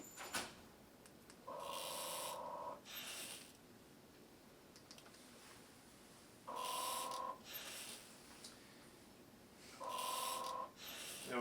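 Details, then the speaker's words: Zoll ventilator demonstrated in nurse training, with adjustable volume and rate: whooshing inflow with a tone, then a softer exhale release every few seconds as the machine cycles breaths. "And we can hear the audible differences to the machine itself, cycling the breath."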